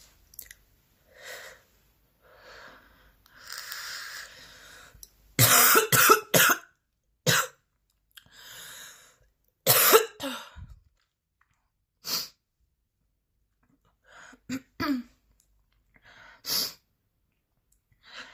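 Repeated forceful cough bursts in clusters with throat clearing and breaths between; a persistent coughing fit.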